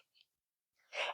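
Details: A short intake of breath, then one sharp, explosive sneeze from an adult woman who is sick during Christmas week.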